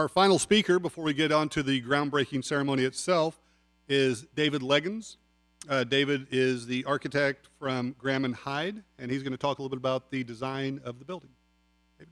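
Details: Adult man speaking; normal voice.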